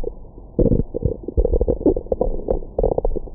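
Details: Adult's abdomen recorded with a stethoscope microphone after a big meal: repeated low gurgles and rumbles, ordinary stomach growling, normal bowel sounds.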